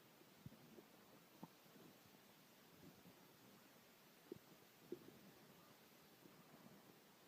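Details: Stomach growling from a hungry man who had not eaten in 6 hours: faint, brief gurgles and low rumbles over quiet room hiss.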